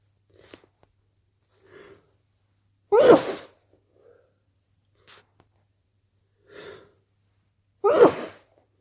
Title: cold sneezes and blows at day 2